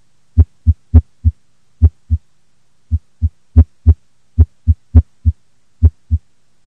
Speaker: in af the heartbeat is irregularly irregular and may sound like this